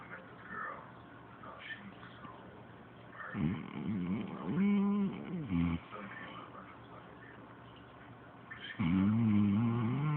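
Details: Loud, rattling, buzzy snores on each breath from a 7 lb Chihuahua, with quieter breathing in between: a small dog snoring.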